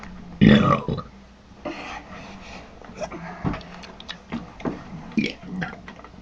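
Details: Loud, low burp followed by several shorter burps and grunts in a small room during a burping contest.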